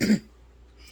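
A single short, breathy cough burst fades quickly into quiet room noise, a cough from an adult with a tracheostomy.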